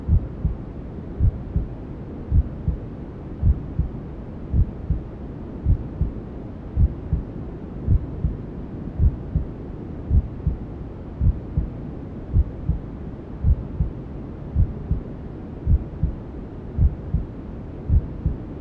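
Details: Maternal heartbeat sound with white noise and other womb sounds, for settling a newborn to sleep: steady soft thumping about 64 beats a minute under constant low rushing noise.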